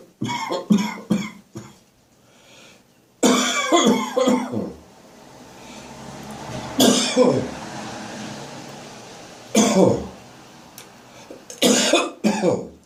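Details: Adult's morning productive cough after waking full of catarrh: repeated wet, rattly bursts with throat clearing, gagging and retching, bringing up mucus.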